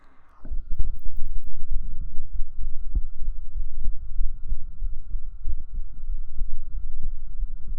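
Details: Real heartbeat recorded up close on the chest with binaural microphones for ASMR: steady deep low thumps in a regular rhythm over a faint steady hum.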